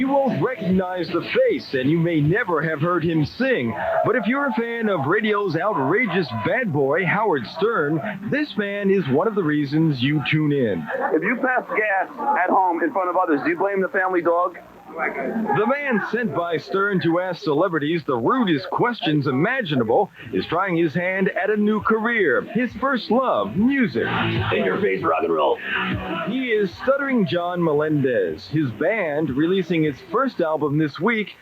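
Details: Adult male narrator; normal fluent speech.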